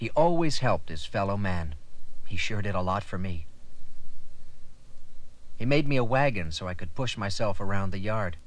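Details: Adult male speaker; Ordinary speech.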